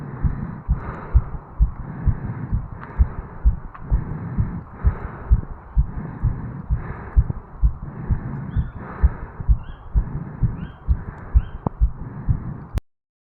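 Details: 35-year-old male just after jogging up stairs, heart recorded at the mitral valve area: rapid, regular heartbeat about 130 a minute with some rubbing noise; tachycardia after exercise.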